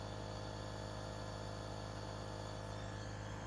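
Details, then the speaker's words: Compressor nebulizer running after repair, filled with a little saline for testing: mist being produced, device working. "Coloquei um pouquinho de soro ali. Liguei.... Tomar cuidado com a... ...com a hélice. E olhe aqui..... Já está...criando a névoa. Está funcionando já."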